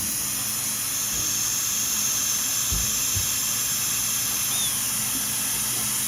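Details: Loud steady air-and-water hiss with a faint high whine as a high-speed dental drill cuts upper central incisors #7 and #8 for porcelain veneers with lingual chamfer margins, using suction.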